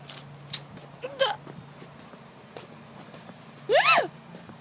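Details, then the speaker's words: Several abrupt, involuntary vocal bursts after about ten minutes of hiccuping, the last loud with an unusual squeaky, sliding pitch, in a quiet room: hiccups. "i have the weirdest hiccup in the world"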